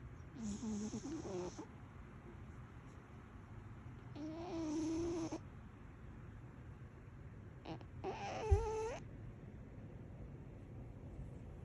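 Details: Cat sleeping, giving three soft, drawn-out snoring breaths about four seconds apart over quiet room hum, then a small sharp sound as he snores himself awake; snoring.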